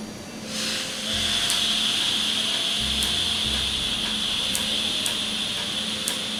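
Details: Laser tattoo removal treatment in Jamaica, after numbing cream; the patient reports little pain. A steady high-pitched hiss and machine hum with faint rapid clicking pulses as the laser fires and the ink frosts over, with air cooling used.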